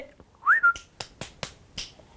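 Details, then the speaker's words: Sudden high whistle-like vocal tic followed by sharp clicks and taps, in a young woman with Tourette syndrome having frequent tics in a living room; some of her tics are insulting. Vocal tic of Tourette syndrome. "doch selbst das gestaltet sich als schwer denn ständig bekommt im wohnzimmer neue text wobei diese hier noch relativ harmlos sind"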